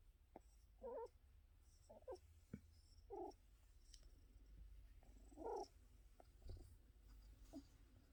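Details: Whimpering vocalizations mixed with purring, heard just after a coughing episode.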